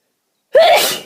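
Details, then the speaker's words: A single loud, abrupt sneeze after silence while the person repeatedly tries to hold back sneezes, saying "I'm not going to sneeze"; an ordinary sneeze. "I'm going to sneeze. I'm not going to sneeze. I'm not going to sneeze."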